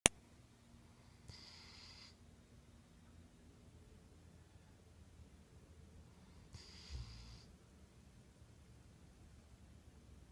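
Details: Dog snoring while asleep: two soft, airy, slightly whistling breaths about five seconds apart in a quiet room; gentle snoring.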